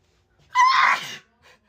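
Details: Person talking through a sneezing fit, calling sneezing satisfying: a short breath in, one explosive sneeze, then a brief faint sound after it.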